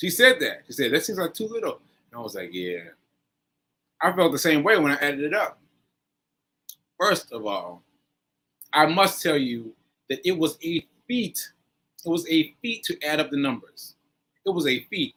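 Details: Aphasia in a man after a stroke on 7/14/22, recorded nearly a year later (7/4/23), with word-finding pauses and fillers.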